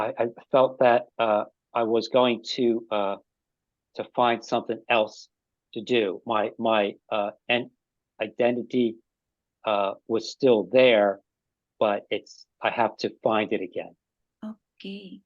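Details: Ischemic stroke five years earlier in an adult man, with resulting aphasia; halting speech with frequent pauses and fillers; aphasia after stroke.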